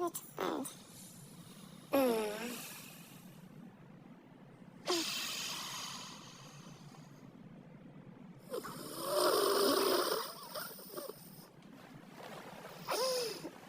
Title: snoring😴